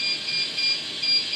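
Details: SIPAP ventilator during setup and calibration: repeated high-pitched electronic alarm tones over steady device noise. This is the high CO2 alarm, signalling CO2 above the set limit.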